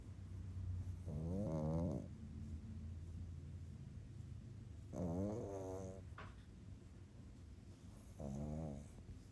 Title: Night night from Gizmo the pug. Snores and scratches 💕